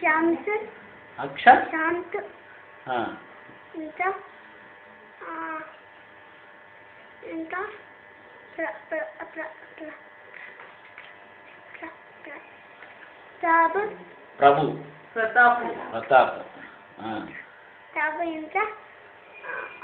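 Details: Young girl, a second-class student, with stammering; the clinician notes she struggles to say words and has trouble with the first word; stuttering.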